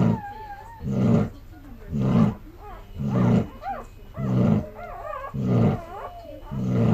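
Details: Snoring after being up all night giving birth: loud, rough, low snores about once a second, each breath rattling deep in the throat, in deep sleep.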